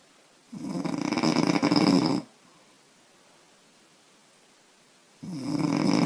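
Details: 25-year-old woman snoring, who says she snores loudly after drinking beer: loud, rough snores on breathing in, each lasting about two seconds, with quiet pauses between.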